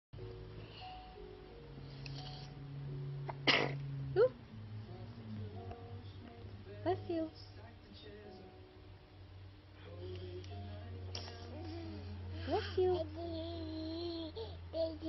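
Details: A baby with a pacifier gives a single sudden, sharp sneeze that sends the pacifier flying; soft music and a low hum in the background.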